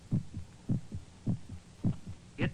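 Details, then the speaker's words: Regular human heartbeat from a 1949 film, shown with a living heart seen during an operation: steady paired low thumps, about 105 beats a minute, with a faint background hum. "the sound of our heart pounding against our ribs did you ever see a living beating human heart a rare operation enables us to see this marvelous little pump"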